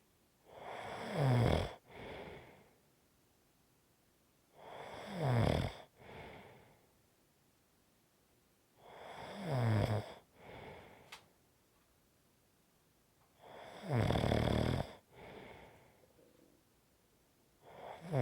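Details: Snoring, about 5½ minutes, that fades, grows stronger and fades again: deep, rumbling snores on each in-breath with a softer out-breath, about 13 breaths a minute, in a quiet room.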